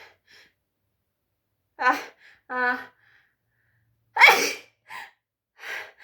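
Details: Voiced wind-up gasps build to one forceful, explosive sneeze, followed by softer breaths; a strong sneeze the person says they can't hold back.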